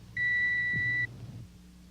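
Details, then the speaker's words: Audiometer test in a dramatised otology episode of a medical TV series: a steady pure beep of about one second over room hum. The charted hearing loss is 50 dB at 500 Hz, 40 dB at 1,000 Hz and 50 dB at 2,000 Hz, followed by bone-conduction testing. "Step by step, the electronic tone probes deep into the cavity of hearing, exploring, charting, measuring."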